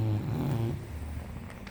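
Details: A low, rumbling snore-like breath that fades out, from an English Bulldog pretending to sleep, snoring with eyes seen open, to avoid going for a walk.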